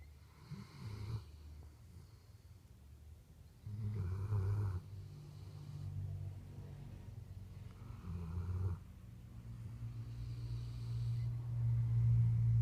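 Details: Sleeping dog snoring: deep, rumbling snores in slow cycles roughly every four seconds, with soft wheezy hissing on the out-breaths.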